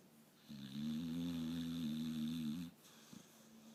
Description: My 5 year old pitbull was peacefully sleeping in my lap, snoring and dreaming of chasing bunny rabbits.